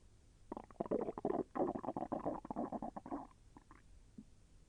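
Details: Digestion sounds from the person's own abdomen, with intestinal movement that was a little painful: rapid bubbling, gurgling rumbles in a burst lasting about three seconds; bowel sounds (borborygmi).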